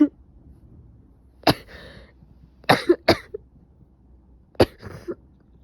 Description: After waking up this morning, I had a stuffy nose, sneezing, coughing, and a severe headache, and now I have a fever...🤒🤒